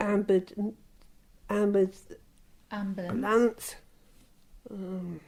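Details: Woman with aphasia since a stroke 26 years ago; her speech deteriorated badly during lockdown. Here she has word-finding difficulty while describing her stroke.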